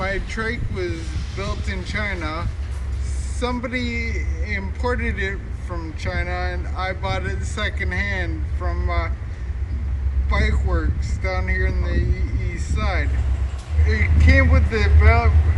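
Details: Ataxic dysarthria in an adult man with an ataxia of unknown type; his speech slowly became more slurred as it progressed and listeners often ask 'What?'.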